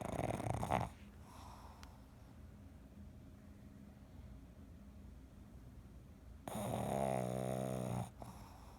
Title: Sullivan the Pug Snoring, II